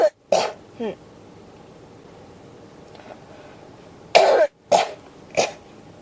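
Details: Two separate bursts of harsh coughing with a pause between; persistent cough that won't stop, tagged with pneumonia.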